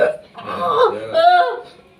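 Two throaty, voiced gulping bursts, the second a drawn-out belch-like groan; retching or belching.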